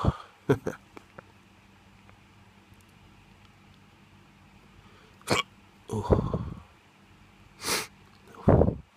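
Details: Drunk hiccups: several brief, abrupt voiced gulps with sighing sounds between them.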